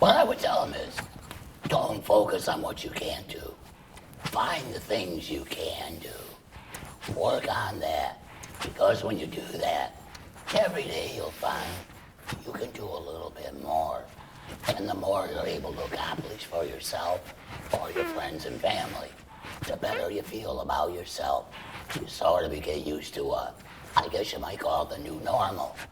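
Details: Adult male laryngeal cancer survivor after chemoradiation then total laryngectomy, speaking through a tracheoesophageal puncture with a voice prosthesis; tracheoesophageal speech after laryngectomy.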